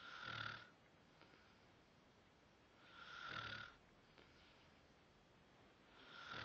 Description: went on my phone to find a video of someone snoring?! but have no idea who it is...hmm? odd?o.O xD